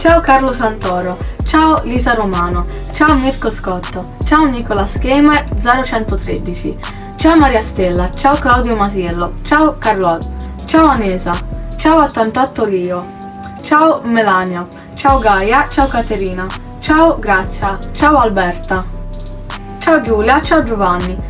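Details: Adult speaker; no disorder.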